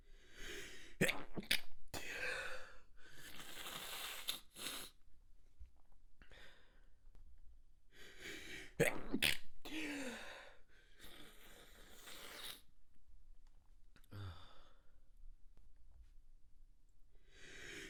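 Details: Extremely wet stifled sneeze fit as the tickle kept building: a run of wet, muffled sneezes with sharp catching breaths between them.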